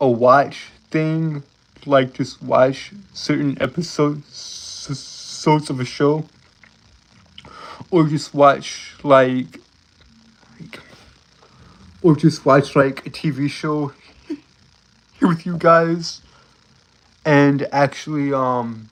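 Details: Stuttering in an adult male live-streamer who says he has a speech impediment and stutters a lot.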